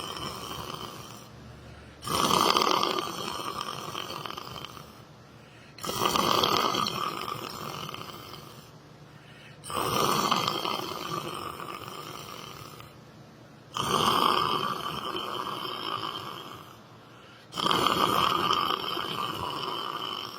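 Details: Loud, harsh rattling snores on each breath in, about five in 20 seconds, roughly 15 breaths a minute, from someone sleeping in church; heavy snoring.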